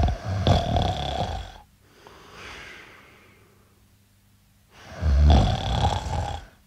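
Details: Sound-effect recording of an adult man snoring: two loud, rattling, low snores on the in-breath, separated by a softer airy exhale.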